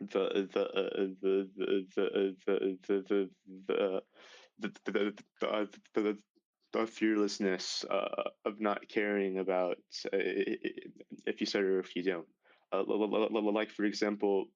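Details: Male high school senior who began stuttering severely at age 10 and has had six years of speech therapy, with audible repetitions; stuttering.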